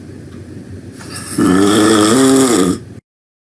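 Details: Loud snoring while taking a nap: a single loud, rough, vibrating inhaled snore over a noisy background with music.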